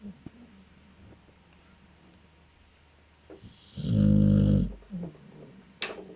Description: my snoring dog ☺